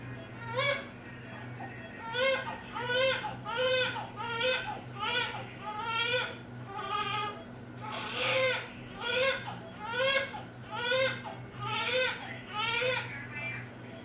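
Rhythmic newborn crying, about 70 cry bursts a minute, with pauses for breath between wails; low room hum in the background.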